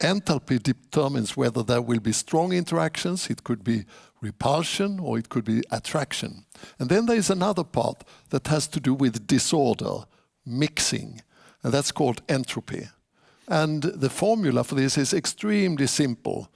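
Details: Adult man; typical speech.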